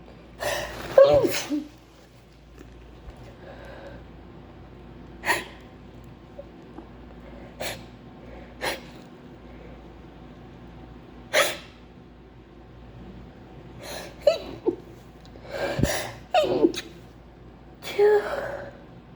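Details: Acted sneezing fit. The performer says they have a terrible flu and try to hold the very wet sneezes in. A run of sneezes with gasping build-ups between them in a quiet room.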